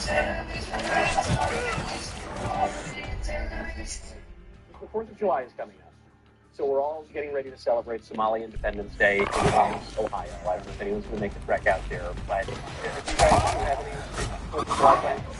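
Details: Adult male speaker; Normal voice.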